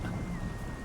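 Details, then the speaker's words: A brief, deep, low-pitched gurgling rumble of the stomach picked up by a microphone, with the person hungry and not yet having eaten: stomach rumbling (borborygmi). "was my stomach just rumbling right into the microphone you just got belly Grumble ASMR my god"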